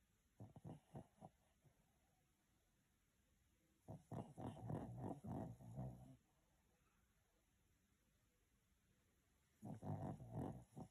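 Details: Sleeping pet snoring: soft, low, rattling snorts in three separate bursts, each a run of rapid fluttering breaths, with quiet pauses between.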